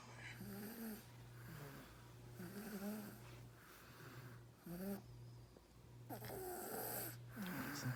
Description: My baby while sleeping soundly. He snores like his dad. 😁